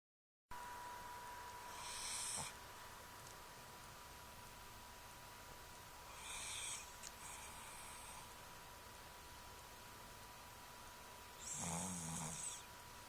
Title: Cooper Snoring (2)